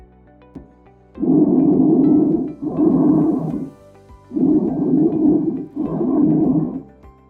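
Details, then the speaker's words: Tubular bronchial breath sounds: loud, harsh, hollow, high-pitched breathing with a pause between inspiration and expiration, heard over pneumonic consolidation or collapsed lung or lobe. "they are high pitched they are heard in the presence of pneumonic consolidation collapse lung or lobe"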